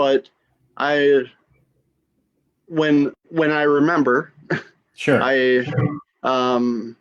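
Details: Female stroke survivor with aphasia after her stroke.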